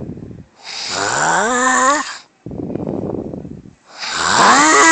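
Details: Wife snoring: loud, strained snores that rise in pitch like a groan, with a rough breath out between them.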